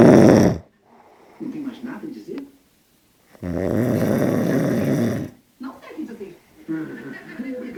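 Loud rattling snores on inhalation, separated by quiet pauses and softer breathing noises.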